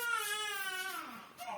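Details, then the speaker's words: Baby present at an adult group session gives a high, wavering cry that trails off over about a second and a half in a small room; an ordinary infant cry. "et par les cris du bébé qui nous accompagne aujourd'hui, nous pouvons être à l'écoute de l'enfant intérieur que nous portons en nous"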